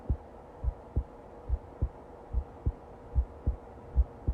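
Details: Ordinary heartbeat: soft, regular low thumps in paired beats at about 74 a minute, with faint background hum.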